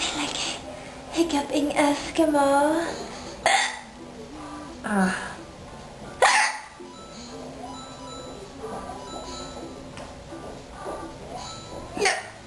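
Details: A hiccup attack: several abrupt, short voiced hiccup catches mixed with talking and background music; repeated hiccups.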